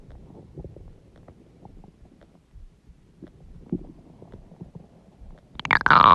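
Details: Low gurgling and rumbling stomach growling noises, then a louder bubbling gurgle at the end; ordinary borborygmi (bowel sounds).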